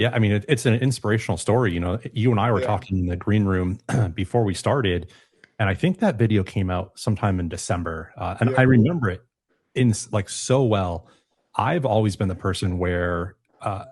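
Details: Adult man speaking; typical speech.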